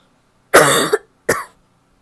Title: barky coughing (f)